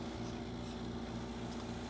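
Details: Philips Trilogy 100 ventilator in invasive mode with passive circuit, oxygen at 5 liters: steady low machine hum with faint rhythmic airflow; mechanical ventilator running normally.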